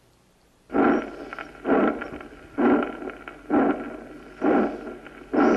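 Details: Harsh systolic and blowing diastolic murmurs on cardiac auscultation.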